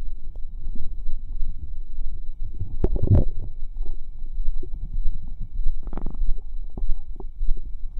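Irregular gurgling, bubbling and squelching sounds from the abdomen; ordinary active bowel sounds.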